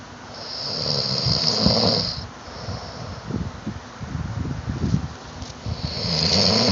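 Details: Loud, rough snoring during sleep: a hissing, rattling inhale, then a fluttering exhale, with the next snore starting at the end.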